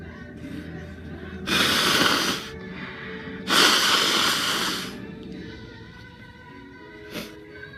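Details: Repeated sneezes and a nose blow from a person who is sick: two loud, rushing nasal bursts and a short final puff over background music.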